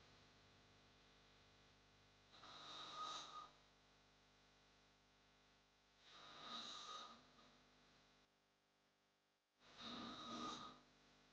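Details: Snoring sound-effect recording: three loud, rough, rattling snores about every four seconds over a steady hum; heavy snoring.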